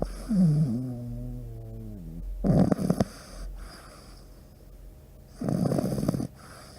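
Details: Scotch, a sleeping pug in deep sleep: a brief whine, then two loud rattling snore bursts a few seconds apart.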